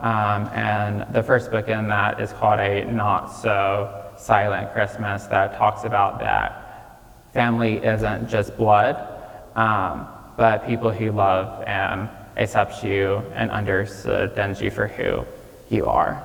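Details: Real recording of a 26-year-old man with childhood apraxia of speech, diagnosed at age five after not speaking until then, with speech therapy five times a week; he says saying things may take him more time.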